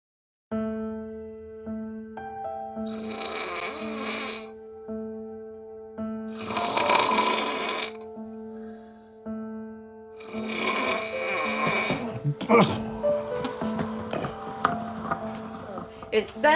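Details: Loud, harsh, rasping snores in bursts about every three to four seconds over a steady musical drone, in a clip about sleep apnea; snoring.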